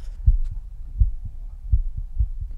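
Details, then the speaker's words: Self-recorded heart sounds of a second-year medical student via a Bluetooth stethoscope (Stemoscope) in bell mode at the tricuspid area, left fourth intercostal space parasternal: low regular lub-dub at about 80 a minute; normal heart sounds. "now we're going to try my tricuspid valve fourth intercostal space just parasternal e on the left"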